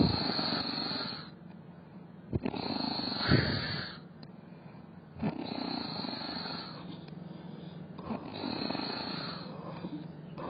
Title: Funny cat sleeping in weird position/cat snoring/fluffy tongue moving while sleeping